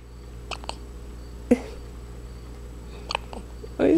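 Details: 8-day-old newborn with hiccups: brief sharp catches spaced apart in a quiet room, followed by the start of a cry.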